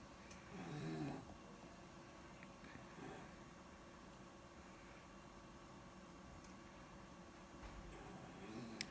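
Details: Sleeping child, never snored before, out of pediatric ICU, sedated with Ativan and on oxygen with lungs not fully recovered: low, rough snores with faint breathing between, from swelling of the vocal cords and breathing pipes narrowing the upper airway.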